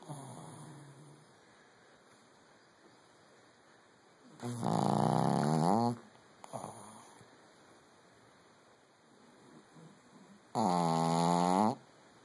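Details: Loud snoring from a Brussels Griffon (small short-nosed dog) sleeping, described as in REM sleep: two loud, rattling snores with quiet breathing between, about 10 a minute and uneven.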